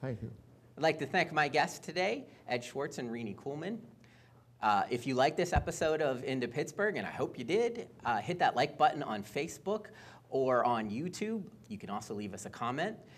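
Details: Adult male speaker; Normal fluent speech.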